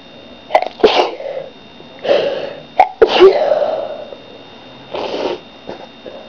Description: I don't know why I'm sneezing so much lately.. any ideas?